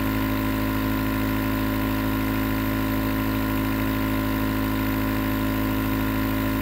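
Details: Continuous nebulizer compressor running, recorded as white noise for sleep: steady mechanical hum with a rough buzzing pulse.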